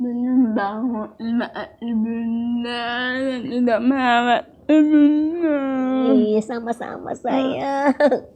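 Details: Young woman with cerebral palsy and speech difficulty since childhood: dysarthria (cerebral palsy).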